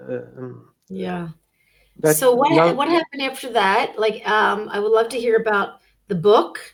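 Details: Adult woman speaking; normal speech.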